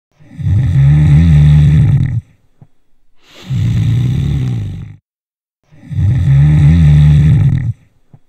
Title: Schnarchen und Schlafapnoe